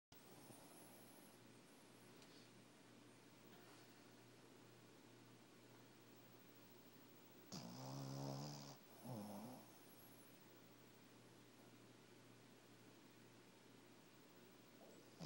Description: Snoring shih tzu puppy~ this for my son who is away at college and missing his pup.